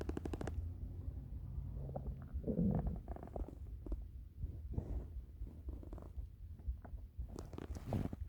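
Low gurgling and rumbling from the belly with bubbling bursts, ordinary stomach rumbling of hunger.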